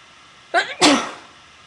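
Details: A short indrawn breath followed by one sharp, explosive sneeze, recorded on purpose for a sneezing video; a single ordinary sneeze.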